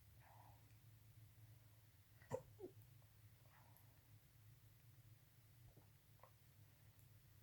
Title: Night hiccups